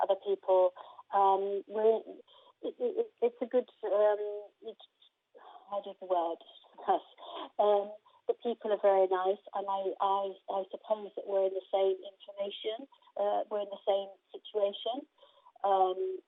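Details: Aphasia in an adult woman after a stroke in 2019; her main difficulty is processing what she hears rather than getting words out, and at first she could not speak at all.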